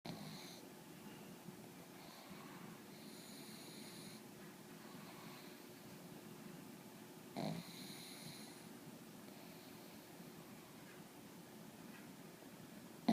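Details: Pug dog falling asleep, snoring softly in repeated rattling breaths with a brief louder snort partway through, then waking himself up.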